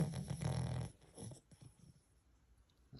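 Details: A deaf Cavalier King Charles Spaniel, nearly 12 years old, sleeping deeply: a low, rumbling snore, then quieter breathing sounds; ordinary snoring.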